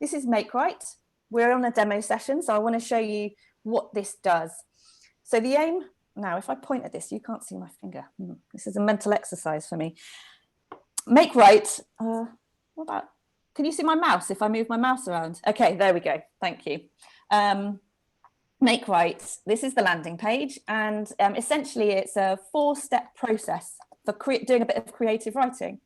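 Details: Adult woman speaking; normal speech.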